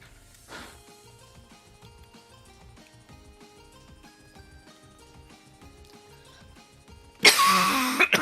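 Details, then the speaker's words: A streamer with an annoying but not severe cough, medication overdue, gives one loud, harsh cough close to the microphone over light game music. "Oh yeah, as you can hear, my cough isn't great, but I mean, it's not a really bad one, it's just annoying."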